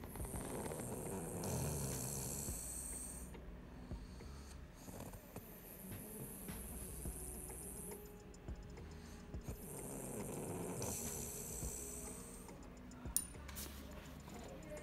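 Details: Eva, after a dentist appointment with five teeth removed, sleeping: low, rough snoring rising and fading with breathing under background music and room noise; snoring.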